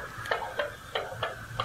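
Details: Thin, clicky paired heartbeats from a small speaker in a Build-A-Bear, about 90 beats a minute, regular: recording of a transplant recipient's heartbeat after receiving a 16-year-old donor's heart.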